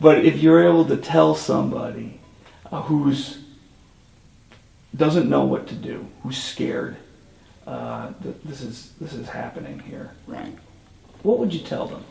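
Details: Adult male speaker; typical voice.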